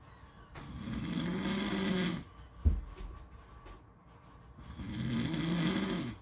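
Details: Snoring: two long, low rattling snores on the in-breath with a quiet pause between, about one breath every five seconds.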